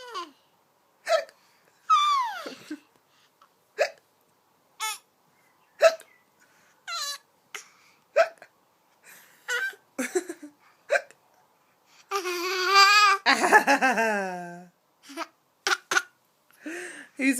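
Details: Short, sharp chirpy hic sounds at irregular intervals with some squawks; a parrot imitating its owner's pretend hiccups.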